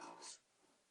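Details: A single short, loud, forceful hissing sneeze from a pet cat or dog that has been sneezing repeatedly in one room, possibly reacting to something there, followed by quiet room tone.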